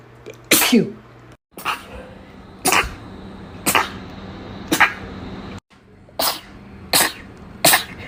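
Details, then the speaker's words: About eight sharp, explosive sneezes in quick succession over eight seconds, roughly one a second; rapid repeated sneezing. "watch me sneeze for three minutes straight"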